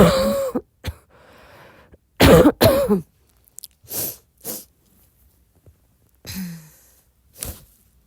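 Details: Coughing attack at 4 a.m. in a girl, described as barking cough with wheezing: about eight harsh, forceful coughs with throat clearing and strained, voiced catches between bursts.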